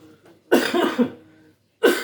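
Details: Two loud, harsh cough bursts about a second apart, the first rough and drawn-out, in a quiet room while trying to memorize Quran juz 26: an ordinary cough.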